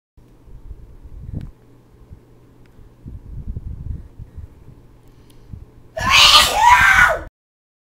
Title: Funny sneeze